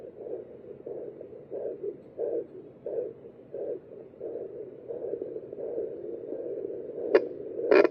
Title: 8 weeks 6 days fetal doppler heartbeat 💓